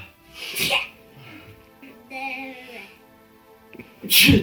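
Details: Woman sneezing after dropping kalanchoe juice into her nose as a folk remedy for a stuffy nose: two sharp, explosive sneezes with a soft vocal sound between them, faint music in the background.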